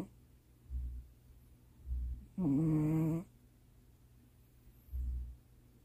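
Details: Cat asleep on owner's lap late at night: soft, low breathing sounds about every second with one brief humming vocal sound; quiet cat snoring.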